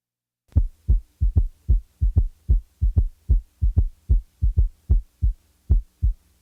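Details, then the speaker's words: Regular low-pitched heartbeat near 75 a minute with a soft low-frequency extra sound in early diastole just after S2, intermittently removed to show its timing: third heart sound (S3). "listen to the following S3 the third sound will be taken out occasionally to enable you to determine its position in the cardiac cycle"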